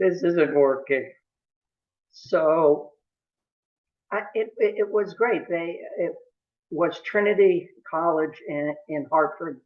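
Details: Adult male lawyer who has stuttered since about age 2 or 3, with a family history of stuttering in his father and brother; stuttering.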